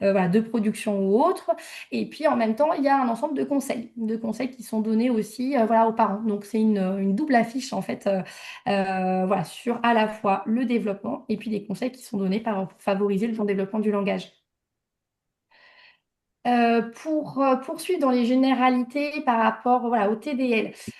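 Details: Adult woman speaking French; typical adult speech.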